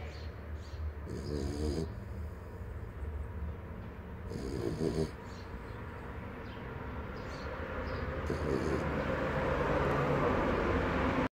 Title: Little Buddy snores like a world champion - Kleiner Buddy schnarcht wie ein Weltmeister